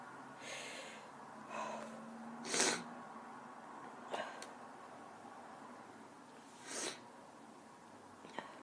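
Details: Female sneezing: several soft, breathy sneezes with hissing tails over eight seconds in a quiet room.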